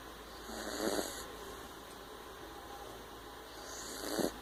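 Two rough, fluttering snoring breaths about three seconds apart, each with a hissy edge; snoring in a sleeping puppy.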